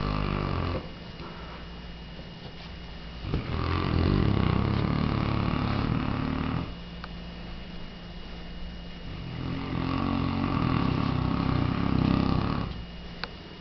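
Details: Three-year-old Mastiff dog makes loud, rattling snores in long cycles, about two breaths in 13 seconds, with quieter exhalations between them; described as the loudest one yet; heavy snoring.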